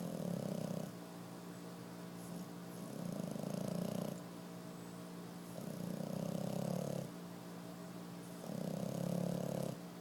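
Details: Five-month-old snoring: steady, droning snores repeating every few seconds, about 20 breaths a minute, with a soft steady hum behind.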